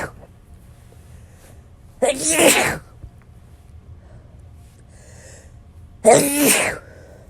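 Two sharp, explosive sneezes a few seconds apart, each with a quick in-breath before the burst.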